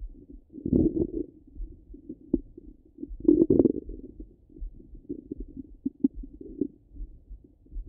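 Continuous gurgling and bubbling with louder rumbling surges and occasional pops: active bowel sounds, stomach rumbling.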